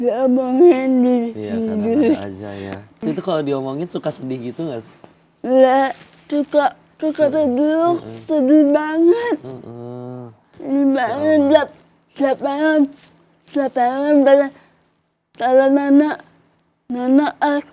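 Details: Young adult woman with cerebral palsy, a disorder of muscle movement and coordination from abnormal nerves; delayed speech, writing only at primary school, began speaking in junior high after therapy with her mother; dysarthria (cerebral palsy).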